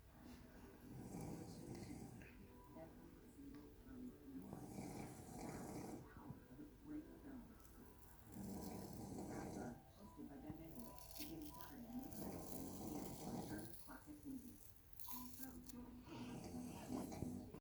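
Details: Snoring at rest indoors: repeated low, rough snoring breaths in rhythmic cycles, some with hissing exhalations, over faint room noise.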